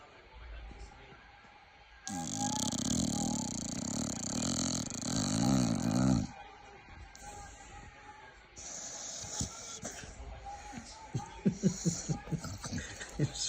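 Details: Staffordshire bull terrier snoring: a long, loud, rasping snore followed by quieter fluttering snorts, with background noise.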